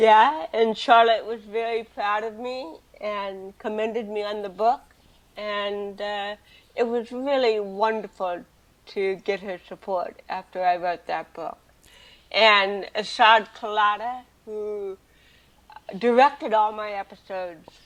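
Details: Adult woman with cerebral palsy from birth, also hearing impaired and wearing hearing aids, speaking in a real 2013 interview; dysarthric speech in cerebral palsy.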